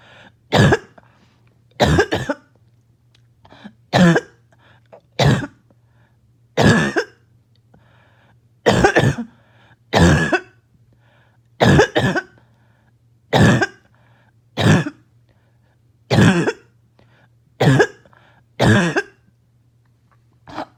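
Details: Adult choking, barking cough started by an itchy nose and throat: repeated harsh barking coughs, some in quick doubles, with quiet gaps between.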